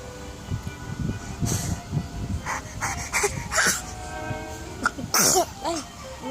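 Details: Several short, sharp sneezes over background music, with bursts close together near the end; sneezing.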